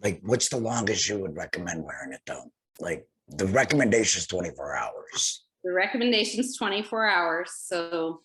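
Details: Tracheoesophageal speech from a male laryngectomee speaking through a TEP voice prosthesis after laryngectomy.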